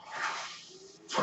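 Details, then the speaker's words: Man's own mechanical ventilator, heard while he records a podcast: a soft airy hiss swells and fades, then a second breath-like rush begins as the ventilator delivers breaths. "My name is. That noise you're hearing is my ventilator."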